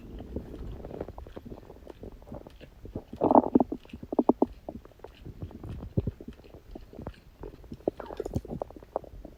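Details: Stomach growling on a birthday after eating cake: bubbling, gurgling bowel sounds with a few louder squeaky bursts, ordinary digestive sounds.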